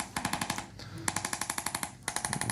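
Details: Rapid bursts of rattling mechanical pulses: a percussive chiropractic adjusting instrument delivering quick repeated impulses to a seated Texas A&M college running back at the end of his adjustment.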